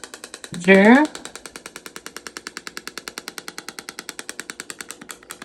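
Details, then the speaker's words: A radial shockwave therapy device (GAINSWave) treating a patient's back and neck problem areas for pain: rapid, even popping pulses about nine a second, with a brief voice near the start. "so you hear that sound that's our chock wavs going into the body this is used of ultrasound technology"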